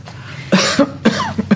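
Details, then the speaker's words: Run of several dry, hacking coughs without rattle or mucus, acted by a standardized patient in a simulated COVID-19 case: dry persistent non-productive cough with breathlessness while talking and sharp pleuritic chest pain. "tell me more about your cough are you coughing anything up no it's just a dry persistent cough"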